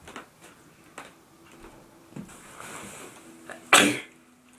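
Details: Deliberately induced sneeze by friends trying to make themselves sneeze, with tickling and watery eyes: quiet sniffs and small breaths in a small room, then one loud, sharp burst near the end, a single sneeze.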